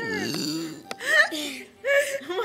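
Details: Friends deliberately burping on cue in a contest, one complaining a burp is stuck: loud, drawn-out voiced belches one after another with brief quiet between.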